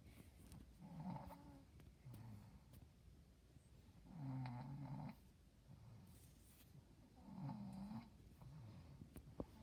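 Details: Real recording of a mother sleeping in the early evening (5:50 pm): soft, rhythmic snoring about one breath every three seconds, with louder fluttering in-breaths and quieter out-breaths.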